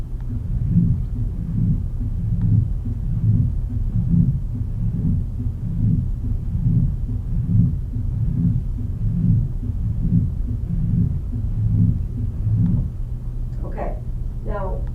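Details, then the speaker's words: Austin Flint murmur from aortic regurgitation, heard with stethoscope near the apex over the mitral area: regular low heart sounds near 71 a minute with a soft, low-pitched diastolic rumble. "it's called an Austin Flint murmur and it's usually heard best with a stethoscope spell near the apex of the heart over the mitel area it has a soft intensity and a low pitch and sounds like this"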